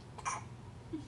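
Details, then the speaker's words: Infant girl with a prolonged bout of hiccups after an 11 PM feeding and diaper change, lasting about 20 minutes, body shaking: single abrupt, breathy hiccup in a quiet room. "this is what happens when we change a diaper right after eating and she gets a little worked up we have the hiccups for about 20 minutes afterwards"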